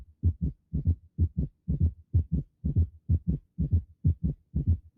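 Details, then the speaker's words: Low-pitched heart sounds at about 60 a minute with an extra sound at the start of diastole just after S2: third heart sound (S3 gallop); teaching example. "está el tercer ruido mire al inicio del s2 Qué es el s2 el cierre de las válvulas atico pulmonares el inicio de la di al"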